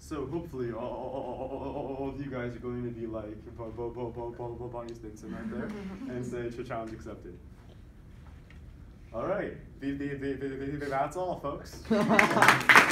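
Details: Voluntary (fake) stuttering by a man who stutters, deliberately produced and tallied during a presentation on stuttering.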